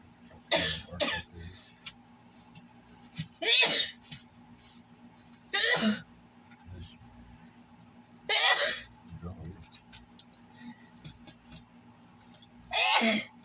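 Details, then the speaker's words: Five forceful, explosive human sneezes a few seconds apart, with quieter breathing and small sounds between; the sneezer describes them as painful and typically forceful. Sneezing. "Got you good, did it? Man, it hurt. It hurt, kinda. Yeah, it's forceful. That's how my sneezes are. It was like it's pissed off."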